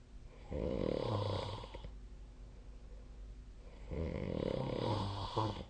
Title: 🐽 本日のイビキ / Snoring Sleep Sound 2025/03/10